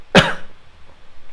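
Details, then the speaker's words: Single short, harsh cough or throat clear from an adult with a hoarse voice, burning throat and blocked nose after a week-long cold; speaker suspects pollen allergies. "désolé si j'ai la voix enrouée j'ai la crainte ça fait une semaine que j'ai une de crève"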